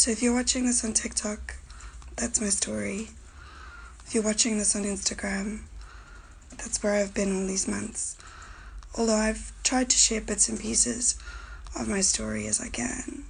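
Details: Voice change in a 37-year-old woman with idiopathic subglottic stenosis, scar tissue narrowing her airway to 2 mm; she has a tracheostomy, damaged vocal cords, and sometimes runs out of air.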